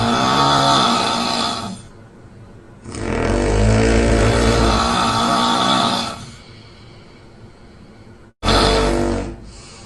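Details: Man and woman snoring, recorded separately and combined to simulate sleeping together: very loud, long, rattling snores of several seconds each with short pauses; heavy snoring.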